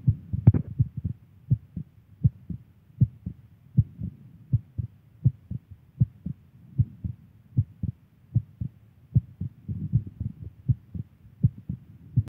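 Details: Girlfriend's heartbeat: steady low paired thumps at about 80 beats a minute, regular rhythm with faint background hum; an ordinary heartbeat.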